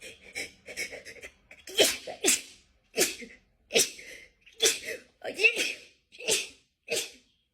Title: a funny sneeze attack 🤧